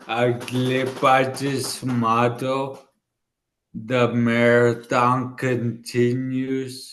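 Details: 40-year-old man, former elite runner, with dysarthria from an ischemic stroke about two years earlier in the right brain, affecting his left side and part of his tongue and mouth; he had to relearn speaking.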